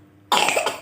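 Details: A child, eating chocolate while said to have a cough, makes a single short, deliberate cough burst on purpose rather than from illness. Voluntary cough.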